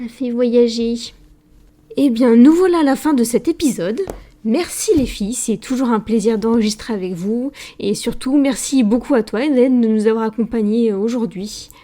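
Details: Adult woman speaking French; normal speech.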